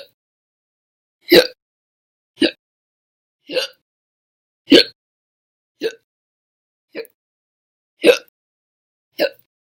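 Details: Eight short, sharp, gulping hiccups about every 1.1 seconds, alternating loud and soft, in silence; an audio-only recording of hiccups.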